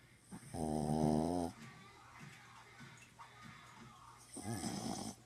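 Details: Sleeping dog snoring during an overnight stay: loud buzzing, rattling snores on the in-breath with quiet pauses between.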